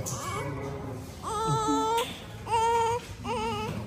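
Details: Newborn just delivered by caesarean operation in hospital, with repeated high, wavering cries over faint room noise; normal newborn cry.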